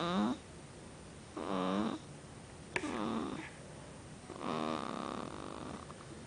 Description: 5 days old and she already snores like her daddy!